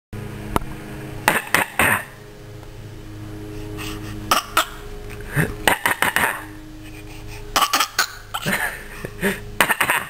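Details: Repeated clusters of short, sharp coughs, two to four at a time, over a steady low room hum, with laughter afterward; deliberate coughing used to communicate.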